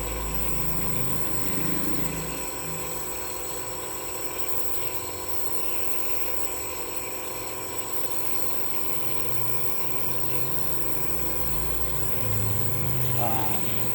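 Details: Steady mechanical hum with a constant high whine and low rumble from a nebulizer compressor running during an inhalation treatment for cough, with brief background voices.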